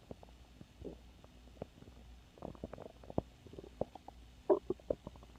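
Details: Quiet bubbling and gurgling with a few louder squeaky gurgles near the end: stomach growling (borborygmi), normal bowel sounds.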